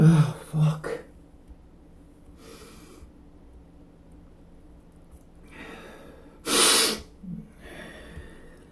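Two sudden explosive bursts of air through the nose and mouth, with quieter breaths between. These are sneezes.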